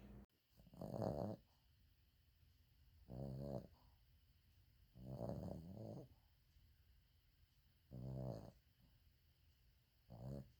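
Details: Sleeping subject recorded on 2020-01-12: rhythmic, low vibrating snores on each breath in, about five in ten seconds, in a quiet room. Snoring.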